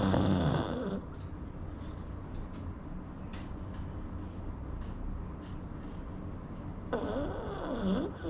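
Steady rattling, fluttering breath noise with louder snorting snores at the start and end, typical of a flat-faced dog snoring.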